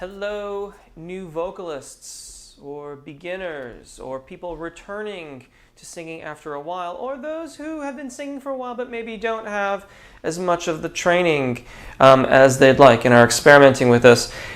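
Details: Adult male speaker; normal speech.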